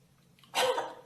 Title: Girl Coughing 375